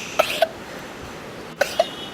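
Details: A goat gives two quick double coughs, short sharp human-like bursts; the owner wonders whether it has a cold.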